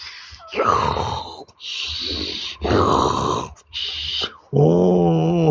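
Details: Father snoring loudly while asleep, with rough, rattling snores in a slow cycle; his baby is startled by the sound and cries at the end.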